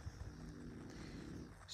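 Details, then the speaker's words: A sleeping French bulldog snoring: a low, rough, rattling rumble running steadily, with faint room noise. "он сейчас спит поэтому вы можете слышать он это французский бульдог Они храпу они храпят"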